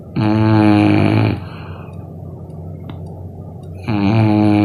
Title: Dogs' sleep, dreams, and snores are as invincible as a superhero's shield!